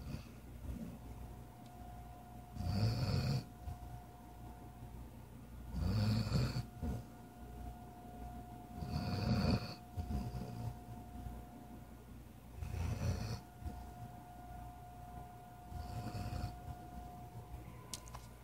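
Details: Snoring during sleep: regular low rumbling snores, about 19 a minute, over a steady faint background hum.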